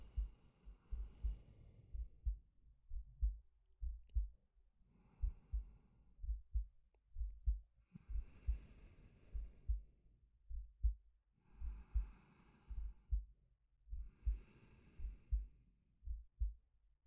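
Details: Soft steady low heartbeat, about 70 a minute, under slow even breaths every three seconds from a male, ASMR sleep-aid recording; normal heartbeat with breathing.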